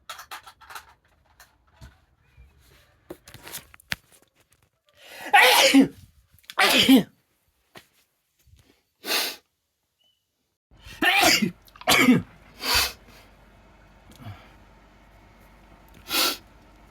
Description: Sneezing while dusting my bedroom. Dust allergies coming out.